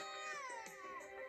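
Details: Loud infant cry played by a baby simulator that cries when it wants to be fed.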